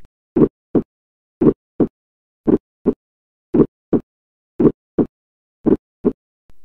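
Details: Teaching heart-sound recording of an ejection systolic click, occurring just after the first heart sound.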